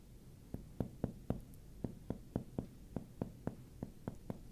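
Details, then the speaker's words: Chest percussion on the back for diaphragmatic excursion: quick sharp taps move downward while the patient holds a deep breath, locating the lowered edge of the diaphragm; the examiner must move far down to reach it. "I want to know where the diaphragm is and then whether the diaphragm moves as takes in a deep breath."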